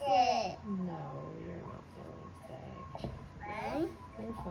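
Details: Childhood apraxia of speech in a 5-year-old girl with Down syndrome saying a quick phrase to her mother, with segmenting between words and longer transitions between them.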